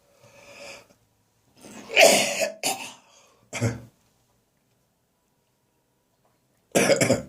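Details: Several harsh, dry morning coughs with strained retching between them, from a cough now drier and less frequent that caused gagging: dry cough with gagging.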